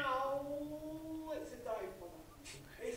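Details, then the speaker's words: Vocal imitation of a myotonic discharge on electromyography in a dog or cat with myotonia: a steady hummed tone sliding downward like a WWII dive-bomber. "пирующих бомбардировщик Вторая мировая война пикирующий бомбардировщик вот такой звук тут видеоролика не нужно по-моему я вполне хорошо могу вам сделать пантомима всех Эх явлений"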